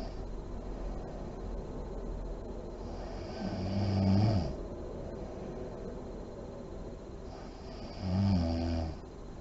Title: SNORING MOM SLEEPING ASMR SERIES PART 18 LIGHTS ON REM SLEEP, DEEP BREATHING , LIP BLOWING